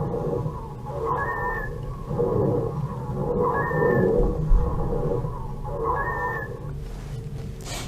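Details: Child on a virtual auscultation simulator, acute bronchiolitis: harsh breathing over the whole lung surface, three noisy breaths at about 24 a minute with short high whistles and crackles.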